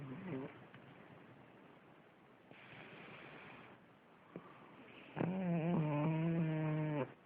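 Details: Pug dog: rough, rattling breathing noises, then a loud, drawn-out nasal snort with a groaning tone; noisy, horrible snoring.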